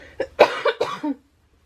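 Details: Hoarse, chesty run of three to four coughs from a speaker who has been very sick for two weeks, mostly sleeping, and who coughs throughout while talking.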